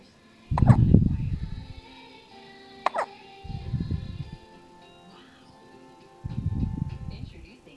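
Three low, abrupt bursts a few seconds apart, with faint background sound; consistent with hiccups.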